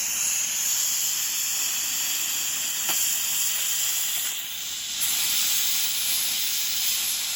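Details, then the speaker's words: Dental water spray with suction thoroughly rinsing blood (heme) from a class 2 composite preparation before etching: steady loud hiss of water spray and suction. "As you can see, there's heme in here, so I would never start etching when there's blood in the prep. So got to do a thorough rinse."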